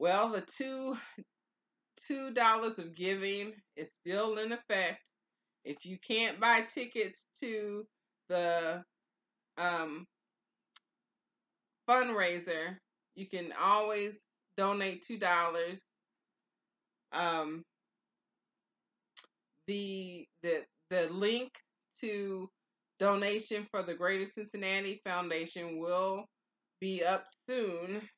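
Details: Aphasia after stroke in an adult woman, two years and four months into recovery; early on she could not say intended words; she now practises with word exercises, songs and reading aloud.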